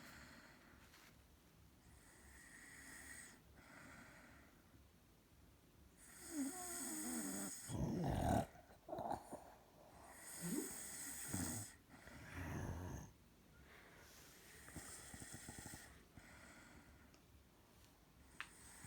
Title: Nah...my baby don’t snore